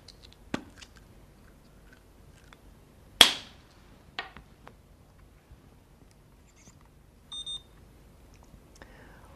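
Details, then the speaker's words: Brief double beep from a blood glucose meter, after a few soft clicks, signalling it is ready for a drop of blood once the test strip is inserted; demonstration of a blood glucose test in paediatric diabetes care, done before pricking the finger. "the Strip has gone into the machine the machine will tell you when it is ready for the drop of blood"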